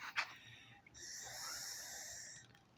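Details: Laboured breathing through a tracheostomy narrowed by crusted mucus after snoring overnight, a jog and smoking half a cigarette: a brief puff of air, then a long harsh, hissing breath with a faint whistle.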